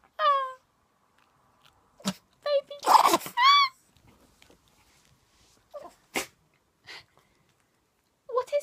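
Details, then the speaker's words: Dog sneezing repeatedly with short, explosive sneezes, mixed with whines and brief human talk in a quiet room; the owner does not know why the dog keeps sneezing. "wrong what is wrong hey why'd you keep sneezing"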